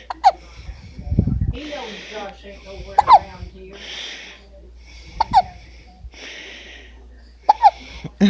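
Repeated sharp, abrupt voiced hiccups, about four bouts, with laughter and background talk between them.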